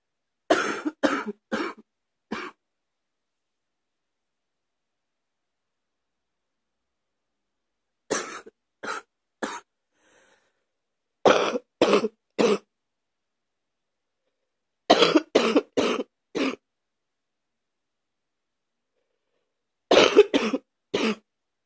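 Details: An adult coughs in the morning: five bouts of harsh, deep cough, about seventeen coughs in all, with quiet pauses between.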